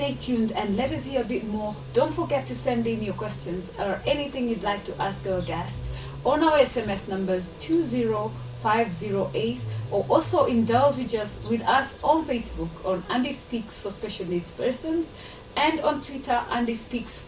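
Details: Adult woman, talk-show host; Normal speech.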